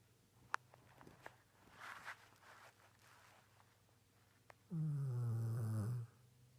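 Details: Sleeping golden retriever dog snoring.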